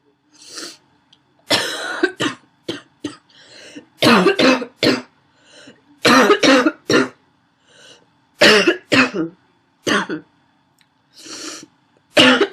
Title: Wheezy barking cough(f)